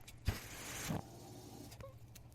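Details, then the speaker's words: Mechanical ventilator used by a podcast host, heard while he speaks: a soft click and thud, then a breathy mechanical whoosh under a second over a steady low hum as the ventilator delivers a breath. "that noise you're hearing is my ventilator"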